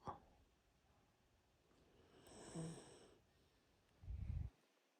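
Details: Dog snoring with eyes open during its pre-sleep routine: a single soft, rumbling breath noise followed by a brief low snort in a quiet room; snoring.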